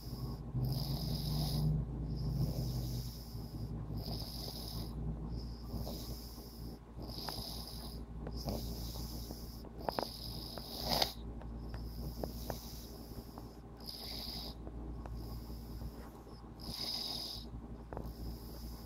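Soft rhythmic snoring breaths with snorty, whistling noise on each breath, under steady room hum: snoring.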